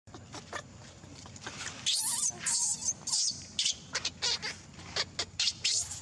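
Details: Thin, high-pitched squeaks and chirps in short repeated bursts: distress crying of a newborn baby monkey.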